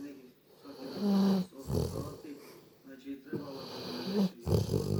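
Two long, low, rumbling breath sounds from a sleeping dog, with some faint room noise between them. Snoring.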